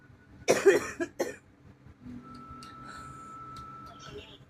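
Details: Unwell with a bad cough, chest and ribs hurting from coughing: two harsh coughs close together, then quiet room noise and a faint steady tone.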